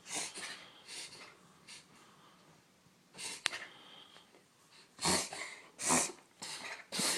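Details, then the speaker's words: Irregular bursts of harsh, snorting noisy breaths from a Puggle during a breathing episode lasting minutes, described as the worst he has ever had. "it was a lot worse than right now to you okay buddy it's okay buddy it's okay breathe this is like the worst he's ever done"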